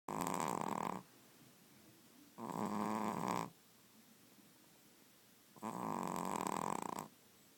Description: Lucy, snoring away, at 16 weeks old.